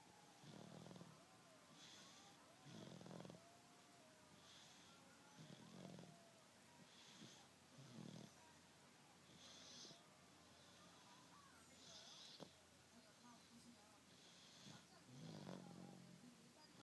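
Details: Seven-month-old snoring: soft, irregular snoring breaths repeating every second or two, with a quiet hiss on some breaths; a plain snore.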